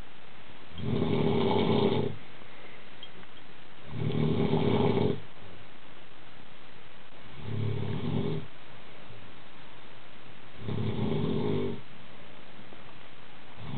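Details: An adult man snoring: four rough, rumbling snores about every three seconds, roughly 18 breaths a minute, with quiet pauses between; regular snoring.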